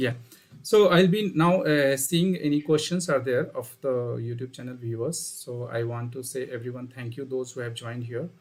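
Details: Adult male speaker; Normal voice.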